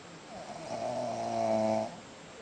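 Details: A single drawn-out, buzzing, faintly tonal breath sound lasting about a second and a half; snoring.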